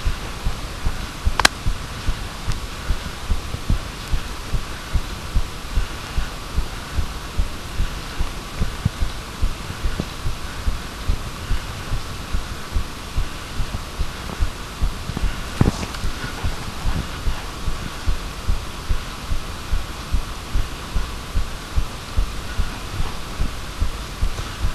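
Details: Steady, regular low heartbeat thumps at roughly 73 a minute over a constant low hum, recorded with a microphone.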